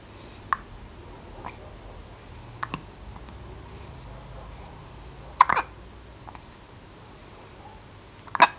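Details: Brief, faint clicking hiccups at irregular intervals, about six in eight seconds, in a quiet room; hiccups.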